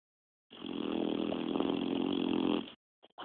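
One long, loud, rattling snore lasting about two seconds, a harsh vibrating breath through the throat and soft palate.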